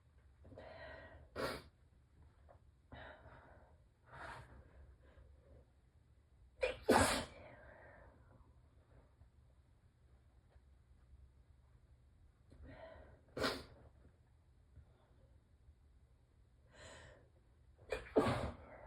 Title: 5/1/23 - messy morning allergy sneezes into a tissue